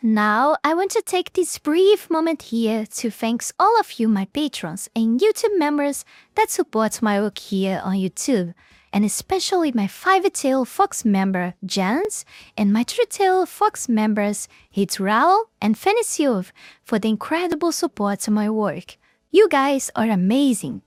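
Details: Adult female narrator; Normal speech.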